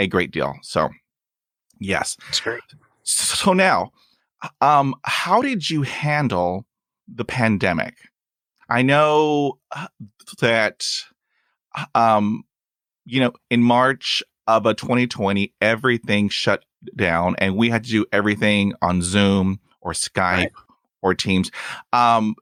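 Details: Stuttering in a real adult male who stutters and says his stuttering is lifelong and comes and goes unpredictably; he reports blocks with long pauses and uses helper words.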